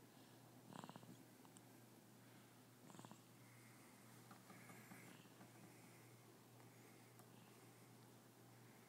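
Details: Person asleep during Star Wars: two faint, fluttering rattles on breathing over a steady low hum and quiet room sound; snoring.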